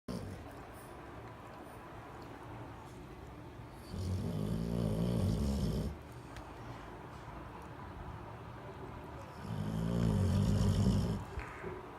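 Low, rumbling snores on each inward breath, separated by quiet pauses, from a sleeping dog.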